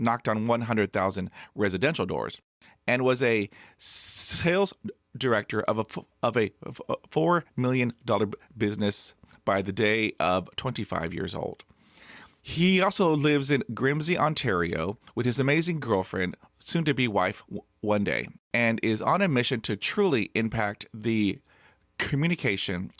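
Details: Adult man who has stuttered since childhood, unable to talk as a child, and hid his stutter for 35 years; his mother also stuttered; developmental stuttering.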